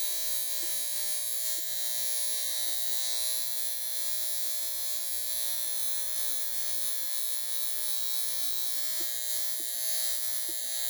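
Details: High frequency facial device with precision tip on a higher-than-usual setting, going over mustache area, cheeks, chin and lips again; steady high-pitched electrical buzz and hiss with faint intermittent clicks at skin contact.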